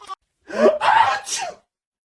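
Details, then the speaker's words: A dad performs an exaggerated sneeze to make his baby giggle: one loud sneeze, a sharp in-breath then a forceful burst. "Bless me. Think you can copy that, love? So close. Woah, that rattled the windows."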